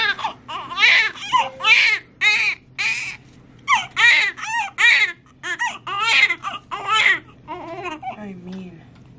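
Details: Strong, rhythmic, high-pitched crying in short repeated bursts with quick breaths between, from a newborn boy just after a fast, intense induced delivery of the mother's second baby; vigorous newborn cry.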